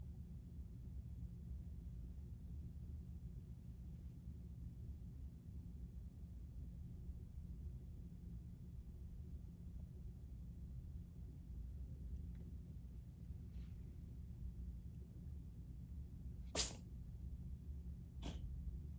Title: Cat sneeze lol